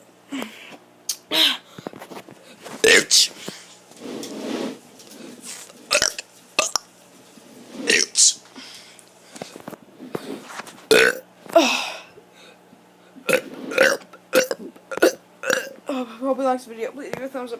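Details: A child with a sore stomach and ribs doing deliberate burps in his room: repeated loud, drawn-out burps in quick succession, some long and rumbling.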